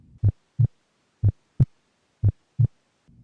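Clean paired low thumps, about 60 per minute. Normal first and second heart sounds, with S2 the closing of the heart's outflow valves.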